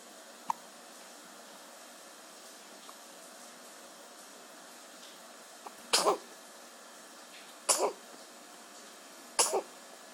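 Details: Three short, sharp bursts about two seconds apart against steady background hiss, consistent with a brief run of coughs.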